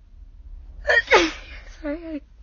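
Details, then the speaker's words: Quick inward gasp, then a forceful sneeze and brief voiced sound from an adult woman sick with a cold and cough, recorded in her car; single sneeze. "I just kind of stop talking when I feel like I'm about to sneeze. I get, I sort of do both at once."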